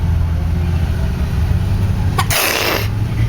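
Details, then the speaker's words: Girl apparently making herself sneeze: a single sharp, hissing sneeze over steady low engine rumble. "I can make myself sneeze"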